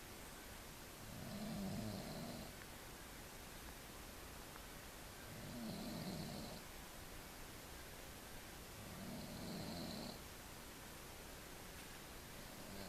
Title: snoring, at beautiful Pine Point, Lake Cowichan, BC